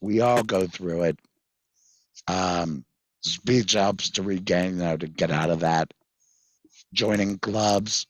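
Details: Tracheoesophageal speech with a voice prosthesis in a 66-year-old man. He had a total laryngectomy in February 2019 for vocal cord cancer after months of hoarseness, received the prosthesis in September 2019, and earlier used an electrolarynx.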